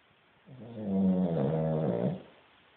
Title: Snoring cavalier